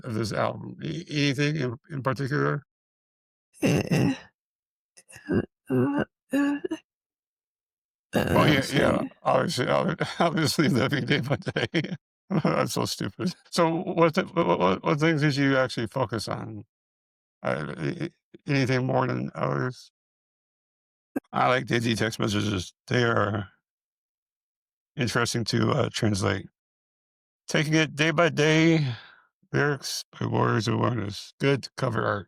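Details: Man with multiple system atrophy, parkinsonian type (MSA-P), who reports his speech has more of a stutter and tremor, more noticeable after the first two minutes; dysarthria in multiple system atrophy.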